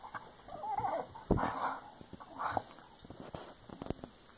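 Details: Female dog sneezing very hard twice: two sharp, forceful nasal bursts, with snuffling and a faint whimper between.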